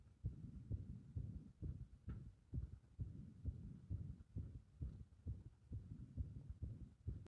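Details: Muffled, fast heartbeats, about 130 a minute, with uneven spacing, the rhythm thrown into disorder by applied compression; irregular heart rhythm.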